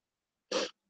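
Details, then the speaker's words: A single short, rough snorting breath from a dog sleeping on a couch in another room; she snores pretty loud. "I don't know if you guys can hear that. My dog's snoring. She's in the other room on the couch, but she snores pretty loud."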